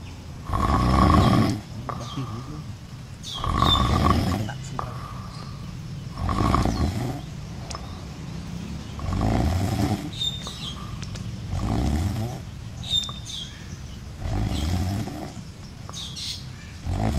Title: the adorable world of snoring monkey siblings. #shorts #shortvideo